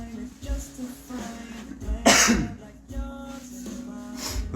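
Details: One sharp, forceful cough from a male singer who says he has still been coughing a lot, heard over soft background music in a small room.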